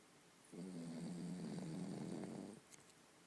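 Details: Cavalier dog snoring: one long, low, fluttering snore lasting about two seconds, with a rapid rattle running through it.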